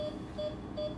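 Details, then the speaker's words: ECG monitor beeps, about 150 a minute, showing normal rhythm in a 6.5-year-old female Cavalier with no heart murmur, anesthetized on her side for a dental cleaning; SpO2 is 96%. "got an ekg and she's got a normal um normal rhythm there"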